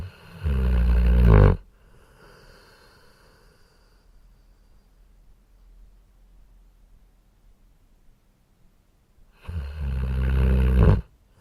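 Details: Two loud, low, rattling snores about eight seconds apart with quiet breathing between them; typical snoring.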